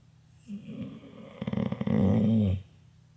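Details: Asleep in her bed while the TV is on, snoring: a rough, rattling snore builds over about two seconds and ends abruptly, in a quiet room.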